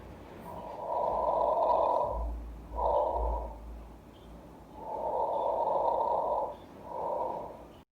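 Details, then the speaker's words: Stethoscope auscultation of the posterior chest, moving from above the scapula through T3 to T10: soft, even rushing breaths at about 15 a minute, clear normal lung sounds. "Look for the normal lung sounds. Normal lung sounds are bronchial, bronchovesicular, and vesicular."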